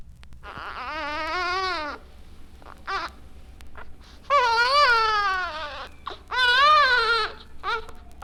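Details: Weak cry in Down syndrome.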